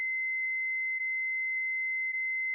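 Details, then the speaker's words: Philips HeartStart FRx AED demonstration, pads on a child's chest and back: steady high-pitched continuous tone as the advised shock is delivered after the orange button prompt; simulated use. "shock advised stay clear of patient press the flashing orange button now deliver shock now"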